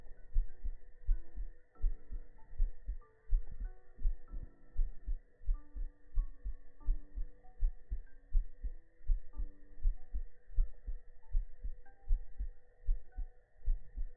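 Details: Steady, soft thumping heartbeat of about 80 a minute under gentle music and a low hum, from the heart-sound segment of a sleep ASMR stream with ear massage; normal resting heartbeat.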